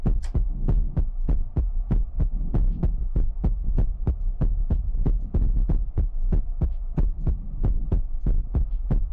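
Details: ASMR recording of a heartbeat sound: steady low thudding beats in a paired lub-dub pattern at about 95 per minute, over a soft hum; heartbeat.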